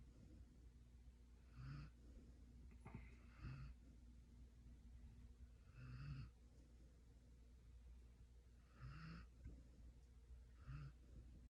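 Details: Sleeping puppy after a Thanksgiving dinner gives soft, regular snores on each breath with a faint whistling tone; snoring.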